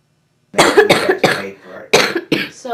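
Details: Person who mentions an inhaler, amid talk of smoking, coughing: a run of about five harsh, explosive cough bursts with throat-clearing between them.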